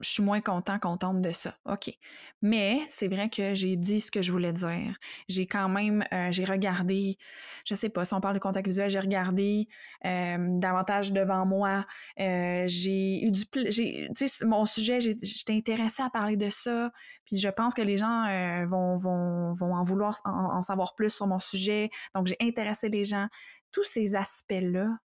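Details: Adult woman speaking French; typical speech.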